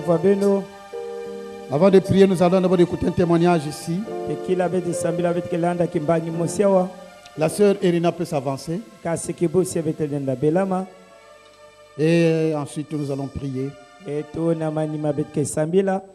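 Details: Adult man speaking; normal voice.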